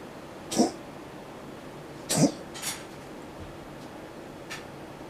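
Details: Cat coughing, two short, sharp, hacking bursts with a few fainter follow-ups in a quiet room; the cat is said to be feeling unwell.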